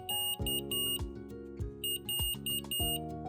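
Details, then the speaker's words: Omnipod insulin pump alert from the pod or PDM: bursts of short, high-pitched intermittent electronic beeps over soft background music, signalling pod expiry, low reservoir or auto-off and that attention is needed. "Les alertes incluent la péremption du pod, un réservoir bas et l'arrêt automatique. Les alertes se matérialisent par des bips intermittents."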